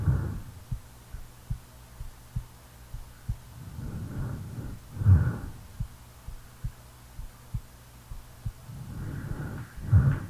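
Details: A real heartbeat recorded while the person sleeps: steady, soft, low thumps, with slow snoring breaths rising over them every few seconds. Ordinary heartbeat with snoring.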